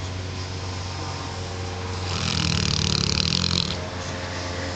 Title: Adopt a Neo Mastiff who snores while she's awake! Maxine is a snugglebug!